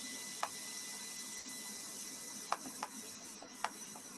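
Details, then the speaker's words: Needle electromyography spontaneous activity in a neuromuscular disorders lecture: fasciculation potentials, sparse irregular dull pops like drops falling ("tock tock"), over a steady hiss. "whereas when you hear the fasciculation potentials it's more like drops falling tock tock tock talk"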